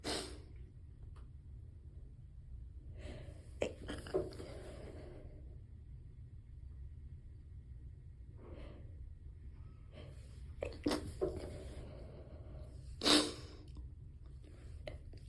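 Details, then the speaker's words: Stifled sneezes on day 2 of a cold, whispered in a library study room by a person with narcolepsy and asthma problems: quiet breathy intakes, several short muffled held-back sneezes, and a soft closing sneeze. "so like, the library isn't exactly popping in 2022 regardless, but that was a good stifle, actually."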